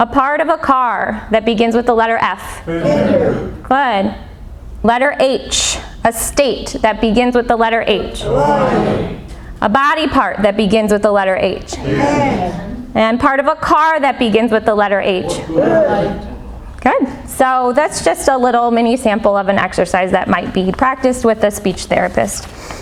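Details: Adult woman speaking; normal speech.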